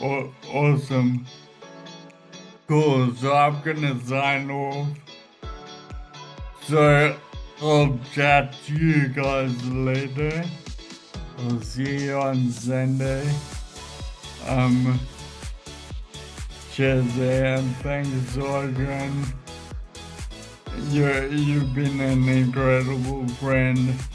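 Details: Ataxic dysarthria in a man with Friedreich's ataxia, whose speech ordinary AI speech recognition does not always pick up; a speech recognition program has been adapted for his speech.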